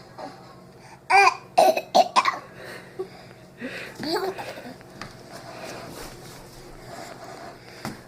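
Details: A young child asking for medicine gives about four short, forced coughs in quick succession, then babbles; a voluntary, put-on cough.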